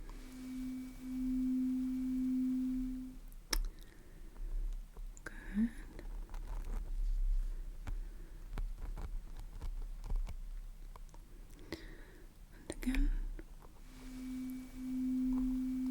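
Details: Simulated ASMR audiology exam for ear pressure and hearing loss: acoustic reflex test probe in the ear plays two steady pure tones, separated by soft handling and whispered roleplay sounds.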